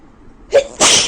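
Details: A woman with a very bad cold: a short indrawn breath followed by a single loud, explosive sneeze.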